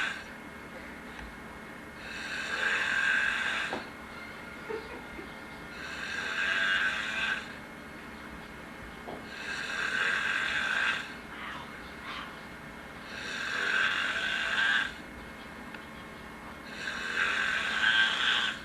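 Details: Ordinary snoring from someone asleep on a couch: rough, fluttering snores about every four seconds, roughly 16 a minute, with quiet gaps between.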